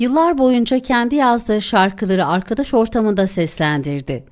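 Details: Adult female narrator; Normal speech.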